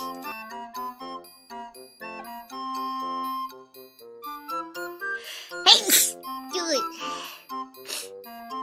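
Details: Several quick sneezes in a row, a sneeze fit, from a VTuber streamer over light background music; sneezing.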